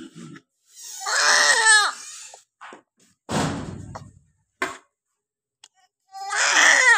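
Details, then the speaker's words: Newborn girl just after normal vaginal delivery: loud, vigorous cries in bursts with brief pauses and some room noise, a normal strong first cry as the baby starts breathing on its own. "इसलिए जब बच्चा पैदा होता है, तो वह अपने आप सांस लेना शुरू कर देता है।"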